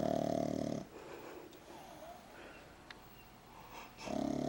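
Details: Pug named Saya, a flat-faced dog, snoring loudly: loud buzzing snorts at the start and end with a quieter pause between; snoring.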